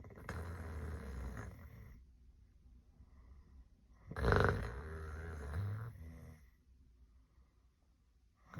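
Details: Tired mother sleeping: two loud, rattling, low-pitched snores on breathing in, separated by quiet pauses; ordinary heavy snoring.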